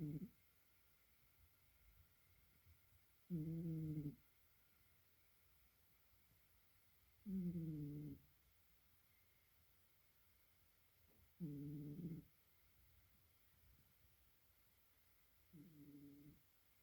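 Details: Soft, regular buzzing snores at about 15 a minute from a sleeping cat; a quiet, normal snore.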